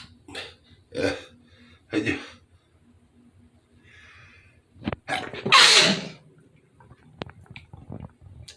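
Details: Several quick breathy intakes build to one loud, hissing sneeze burst from a man, followed by brief sniffing; a single ordinary sneeze.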